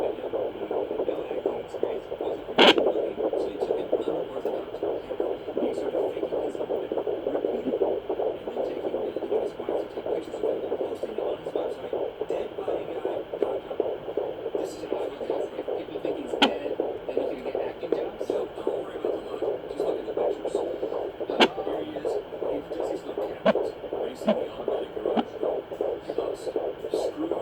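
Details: Fetal Doppler recording: rapid galloping whooshing fetal heartbeat about 160 a minute, placental blood flow, and occasional sharp thumps from the baby kicking and flipping.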